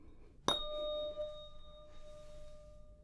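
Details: Simulated ASMR HENT exam roleplay, Weber hearing test with a 512 Hz tuning fork hit by a striker: a sharp strike, then a clear, steady ringing tone that slowly fades.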